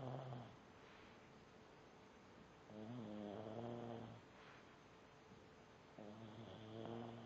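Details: Small pug asleep, snoring so loudly the TV is hard to hear: rhythmic, low buzzing snores on the in-breath, about three in the clip.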